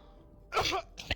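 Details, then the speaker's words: Adult's sharp, sneeze-like cough burst then a brief second cough during a coughing fit; speaker says noise-cancelling software distorts the cough, and mentions long COVID. "I sneeze, but it's a cough. It's a coughing fit, in fact."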